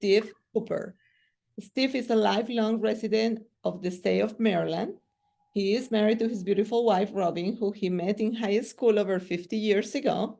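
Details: Adult woman speaking; normal speech.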